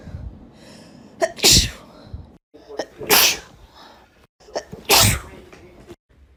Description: You are going to love seeing these women sneeze, and the sneezing is intense!